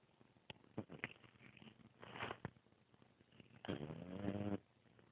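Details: Pet named Chewy snoring quietly: soft snuffling breaths with small clicks, then a longer buzzing snore on the in-breath.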